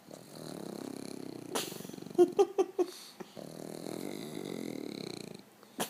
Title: Dog Snores While Awake